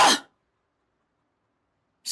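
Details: Male streamer's cute little sneeze: a single brief, soft sneeze burst, then silence, followed by apologies; sneeze.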